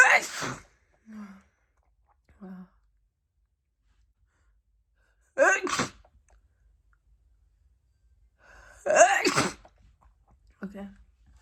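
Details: Woman at night after a shower, nose very itchy, room hot: three sharp, explosive wet sneezes with brief quiet breaths and small vocal sounds between; sneezing.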